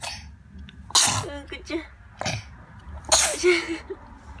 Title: 눈부시게 재채기